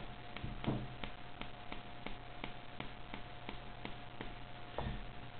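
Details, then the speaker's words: Repeated soft, evenly spaced clicks with a couple of louder pops from an arm joint moved over and over; joint crepitus, also felt in the other arm, spine, neck and hips; doctors baffled. "this one is so classic see nice cracking and it doesn't stop it goes it just goes on and the same is here and I can't help it"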